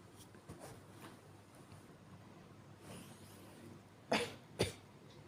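An acted adult gives two short, weak coughs after a few faint breathy stirrings in a quiet room.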